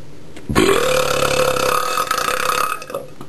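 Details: A deliberate burp made naturally without soda: one long, loud, rumbling belch lasting nearly three seconds with a steady voiced croak through it.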